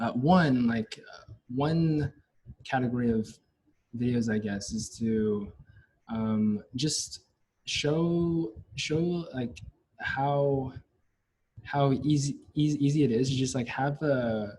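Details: Stuttering since childhood, lifelong, in a Chinese-American fourth-year neuroscience university student, with part-word and word repetitions.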